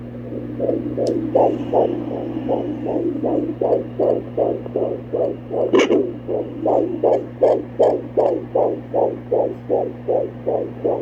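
Rapid, regular whooshing pulses at about 150 a minute over a steady hum: a normal fetal heartbeat picked up by Doppler.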